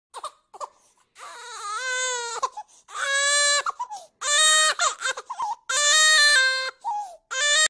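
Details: An infant cries in repeated loud, high-pitched wails separated by short gasping breaths: infant crying.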